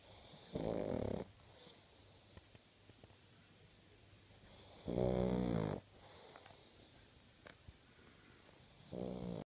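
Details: Sleeping pug dog snoring: loud, rattling snores on each breath in, about every four seconds, with quiet breathing between.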